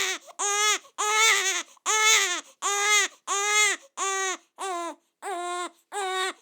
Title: Newborn Baby Crying Fast and Hard Sound Effect